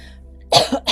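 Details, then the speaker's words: Adult coughing during an energy-healing chakra clearing session, described as coughing as a way of releasing. "I cough as I release. I'm also known to yawn, have like small burps that come up. I release in all kinds of ways, but coughing is the most prominent one, I would say."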